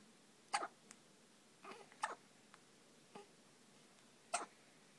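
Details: Newborn baby boy in hospital, nearly 24 hours old, with hiccups: quiet sharp little catches in the breath, several over a few seconds, in a quiet room.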